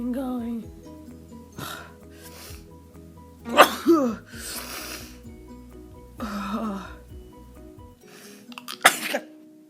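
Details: Sneezing fit that happens to this person a couple of times a week: a run of several forceful sneezes with catching breaths between, over background music.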